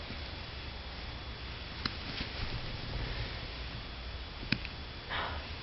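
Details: Cairn terrier puppy with a rough bout of hiccups: soft room noise with a few brief, sharp clicks.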